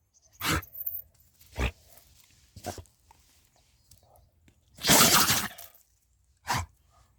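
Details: Sneezing in a country dog, tagged as a cold: several short, sharp nasal bursts, one longer and louder.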